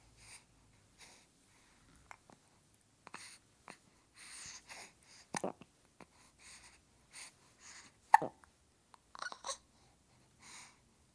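Soft, brief breathy catches recur about every second or so in a quiet room, fitting infant hiccups.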